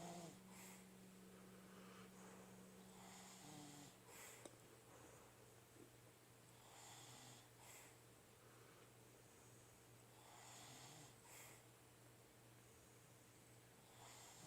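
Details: Two sleeping red-nose pit bulls napping together, snoring in sync: soft, rough, irregular overlapping breathing noises over steady room hum; dog snoring.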